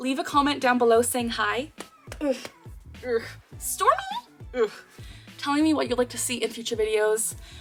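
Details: Woman with Tourette syndrome producing an involuntary vocal tic mid-sentence; vocal tic (Tourette syndrome).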